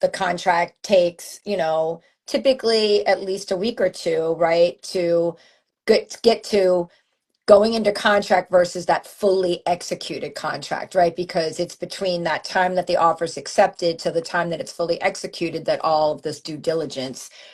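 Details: Adult woman speaking; normal voice.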